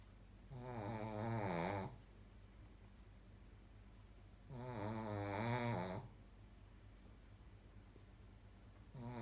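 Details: Sleeping dog snoring: long, rough, buzzing snores on each breath, about 15 a minute, over a steady background hum, before being woken.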